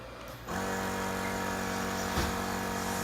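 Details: Switch-activated portable suction pump of a young man with SMA type 2 switches on with a steady buzzing motor hum that continues through the rest of the clip.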